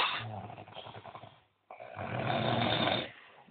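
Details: Loud snoring from a sleeping person after a heavy night of drinking, described as snoring like a beast.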